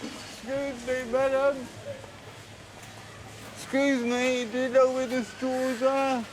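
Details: 32-year-old man born with cerebral palsy, dependent on 24-hour care; slurred speech, reportedly worse when he is tired: dysarthria (cerebral palsy).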